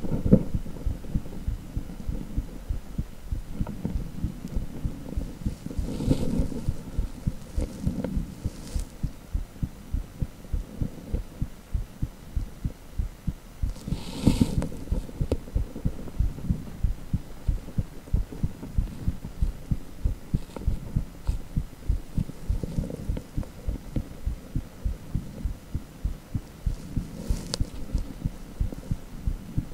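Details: Heart blood flow heard through echocardiogram Doppler during a heart scan: steady, rhythmic whooshing pulses of the heartbeat.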